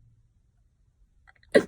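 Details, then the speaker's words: Vocal tic in a person with a tic disorder of 8 years: near silence, a few faint clicks, then one sudden, brief forceful vocal burst. The tics appear mainly when talking about them, and alcohol lessens control. "overall only really when I talk about it do they do they come out especially when I'm about to say like when I talk about it they come out"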